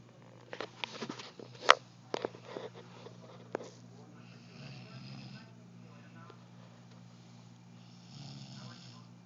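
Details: Person snoring loudly during sleep: rough, rattling breaths over a steady low hum of room noise, with a few sharp sounds early on.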